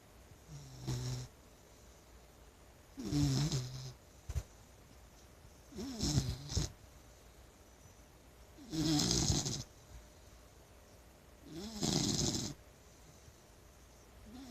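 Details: Blue nose Pit Bull named Wicket sleeping and snoring, about 21 loud rattling snores a minute at irregular intervals; briefly woken and told to go back to sleep, then snores again.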